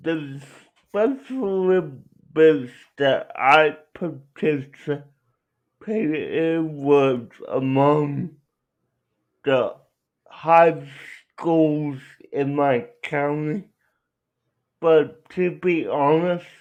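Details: Adult male speaker; dysarthria (cerebral palsy).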